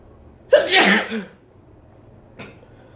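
A single loud sneeze with a sharp intake and forceful burst, followed by a faint breath; an ordinary sneeze in a quiet room.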